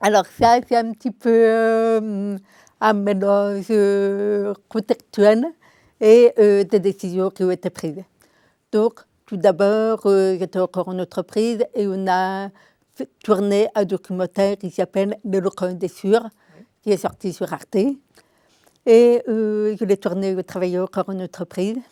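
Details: Adult woman with congenital deafness diagnosed at 9 months; a doctor predicted she would never speak; oral speech learned through 20 years of speech therapy, three sessions weekly; she says her deafness is audible in her voice; deaf speech (congenital hearing loss).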